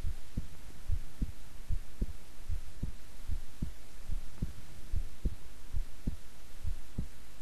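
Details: Own heartbeat recorded at length while keeping still and relaxed: steady low thumps at about 75 a minute with a faint hum; calm, regular normal heart sounds.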